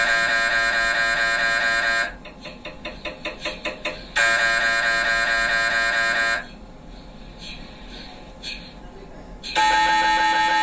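Loud buzzing tones alternate with rapid rhythmic knocking bursts and quieter gaps, the typical pulsing noise of an MRI scanner during imaging.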